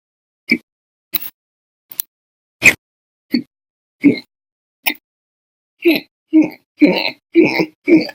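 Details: Repeated abrupt, loud vocal jerks, about thirteen in eight seconds, some sharp and clipped, later voiced and grunting, with daily episodes over 5 hours that month: persistent hiccups.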